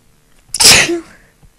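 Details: Single loud, forceful sneeze with sharp hissing burst of air and brief voiced tail, induced with a bobby pin; very strong, powerful sneezes leaving chest wet.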